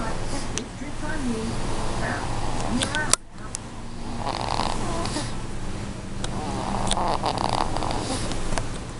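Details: Three-month-old female snoring: low, rumbling snoring breaths over room noise with some background voices.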